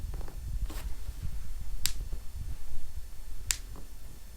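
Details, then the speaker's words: Chiropractic adjustment of an adult female CrossFit coach with hip pain: two sharp, brief cracking pops over quiet room noise; joint cavitation. "yeah and some noise out of those huh"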